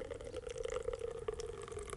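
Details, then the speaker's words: Steady trickle of water running from an enema kit's opened tap in a small room, purging air bubbles from the tubing until it flows cleanly, before giving an enema for constipation. "Alors, ce que je vous conseille de faire, c'est de purger. Purger, ça consiste à ouvrir le robinet jusqu'à ce que ça coule."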